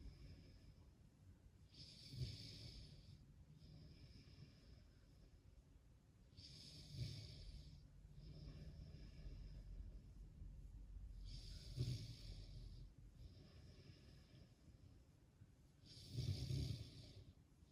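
Slow, regular breaths at about 12 a minute. Each inhalation has a low, buzzing rumble with a breathy hiss, consistent with light snoring.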